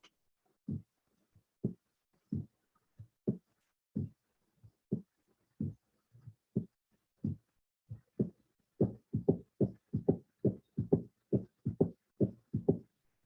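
Simulated heartbeat, slowed at first and then at real speed, with a soft low third sound after each pair, giving a galloping rhythm: an S3 ventricular gallop.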